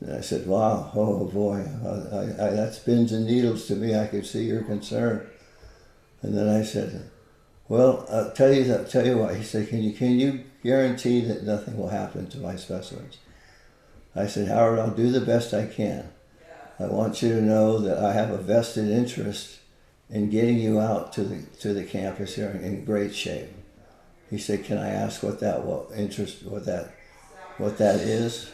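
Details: Adult man with Parkinson's disease, a neurodegenerative disease, for more than 20 years, with visible shakes; Parkinsonian (hypokinetic) speech.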